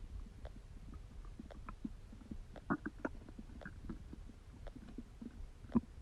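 Frequent soft gurgles and brief pops from the belly, ordinary stomach rumbling during digestion.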